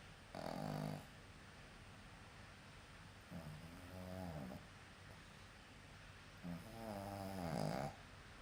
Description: My dog snores. :)) Please watch. Put your volumes higher!!!